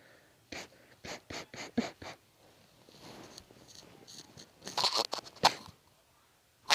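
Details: A rapid run of short, sharp sneezes: a harmless sneezing fit.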